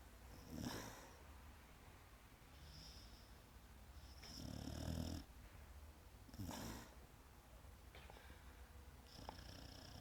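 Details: Loud snoring from a sleeping female Pit Bull dog: repeated noisy breaths with a low rattling rumble on some breaths.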